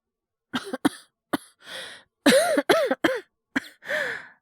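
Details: Acted cough in Japanese voice drama by male voice actor, character a teacher with cough and fever: repeated harsh coughs, some in quick pairs, some with strained voiced catch, between gasping breaths.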